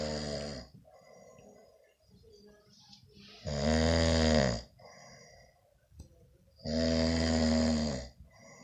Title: My Brother Snores Like a Grizzly Bear...LOL:)